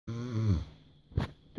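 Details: A father snoring: a loud, rough, low snore on the in-breath, followed by a brief snorting breath; ordinary snoring.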